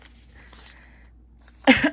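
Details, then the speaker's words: Single sneeze from an adult with bad seasonal allergies: quiet room noise, a soft intake, then one sharp, loud burst of air and voice. "But my allergies are really bad, and like a lot of the stuff that I am allergic to has been really high these past few days."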